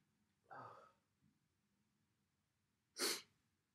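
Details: A deliberately induced sneeze on December 1st: a drawn-in breath, then one sharp, explosive sneeze in a quiet room, with nose-blowing later; a normal sneeze.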